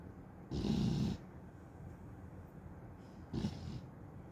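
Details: Staffy (American Staffordshire terrier) dog snoring loudly, likened to an old man: two deep, snorting, rattling breaths with a rushing hiss, about three seconds apart.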